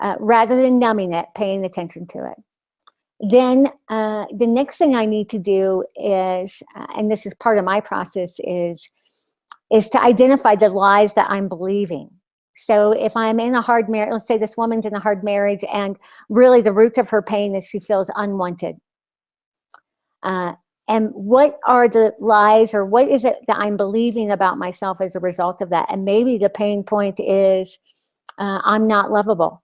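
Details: Lisp in an adult woman after partial glossectomy (loss of her tongue); she describes the lisp as very obvious to herself and others.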